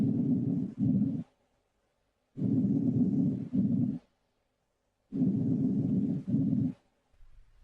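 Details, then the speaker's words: Soft, low-pitched rustling breaths auscultated over the chest wall, each inspiration longer than the brief expiration: normal vesicular breath sounds, heard during inspiration and the first third of expiration over most lung fields. "Normal vicular breath sounds are soft and low pitched. They are normally heard during inspiration and during the first third of expiration and can be heard over most of the lung fields."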